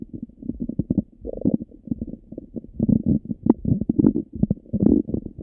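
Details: Stomach rumbling after breakfast: continuous gurgling and bubbling rumbles from the abdomen, ordinary digestive bowel sounds (borborygmi).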